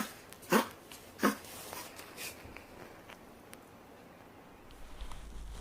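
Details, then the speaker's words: Dog with reverse sneezing, owners often say it breathes as if choking: two sharp snorting inward gasps, then fainter snorts. "ya habéis visto el vídeo y más de alguno ha dicho yo en alguna ocasión sí que lo he tenido muy bueno no personalmente él evidentemente sino mi perro he visto que estornudaba de esta manera"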